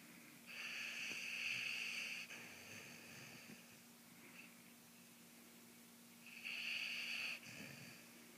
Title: Aja snoring